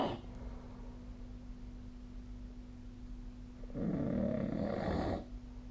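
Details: Snoring sleep sound recorded on 2025/05/23.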